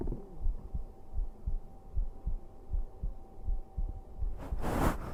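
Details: A man's own heartbeat, played on a livestream while he lies down to sleep: soft, regular low thumps at about 80 per minute, ending in a rustling noise; normal heart sounds.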